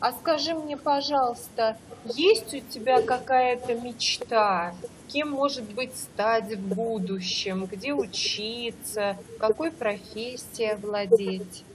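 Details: Adult female interviewer; no speech disorder.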